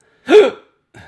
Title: Don't Take Life So Seriously: 2 Minutes Of Me Having Hiccups